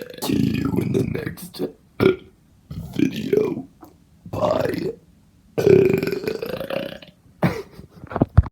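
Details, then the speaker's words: About six loud, drawn-out voluntary burps separated by short pauses. "I selected them at random anyway I'm gonna do some more burps so yeah"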